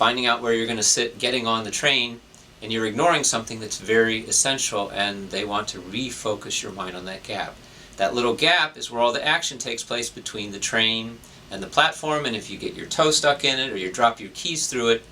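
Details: Adult male speaker; normal speech.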